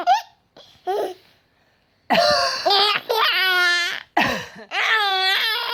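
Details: A mother's few short coughs, mostly covered by her infant son's loud, bubbly belly laughter at the sound; cough.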